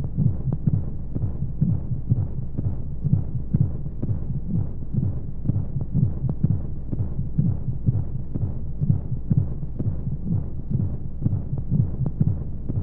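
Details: Womb-sound sleep aid for babies: muffled rapid low thumps under steady whooshing flowing noise, about 125 a minute, like a heartbeat heard from inside the womb, with white noise; heartbeat.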